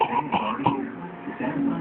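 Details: One-year-old child doing a fake sneeze and cough: a few short voiced throaty bursts, a pretend cough and throat clearing, not a real one.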